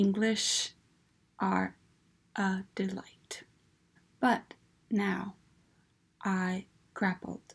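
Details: Adult woman with aphasia, apraxia and alexia after a massive stroke in August 2015; aphasia with apraxia of speech.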